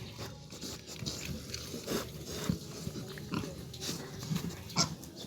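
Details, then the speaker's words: Harsh short coughs amid grunting and pen noise from 2-month-old piglets during hot weather, coughing before being given herbal medicine; pig cough. "Magbibigay tayo ng hair kasi may inubo dito."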